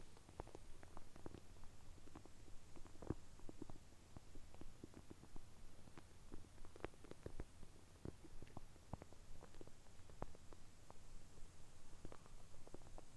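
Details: Frequent soft gurgles, pops and continuous rumbling from the abdomen of an adult after drinking a glass of milk in one go, early morning on an empty stomach; normal active bowel sounds.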